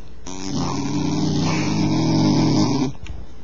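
One long, loud, rattling, droning breath sound lasting about three seconds, typical of a dog's snore.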